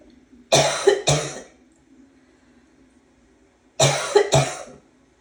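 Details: Cough after trying to suppress it for a long time: two paired bouts of harsh, forceful coughs with a hoarse, barking edge; barking cough.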